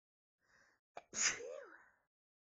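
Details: Sneeze tease: faint quivering breaths in, a brief catch, then one forceful sneeze that trails off into a sigh.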